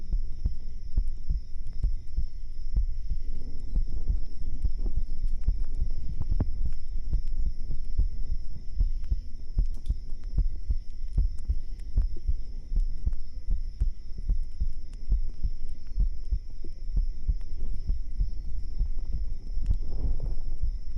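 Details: Normal adult heartbeat: steady, regular low thumps from an ear-shaped binaural microphone placed under the chest during an ASMR stream, with faint background tones.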